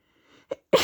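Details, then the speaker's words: A faint breath in, then a short burst and a louder explosive burst of air; a sneeze, one in a series of repeated sneezes. "Achoo. Gonna sneeze. Achoo. Gonna sneeze."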